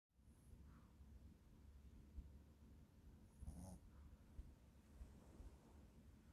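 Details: Sleeping Shih Tzu puppy breathes with steady low rumbling and soft snorts: snoring.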